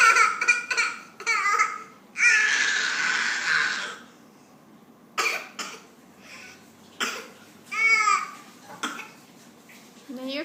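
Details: Young child coughing: several short, harsh cough bursts mixed with a longer strained vocal sound and some babbling, in a small quiet room.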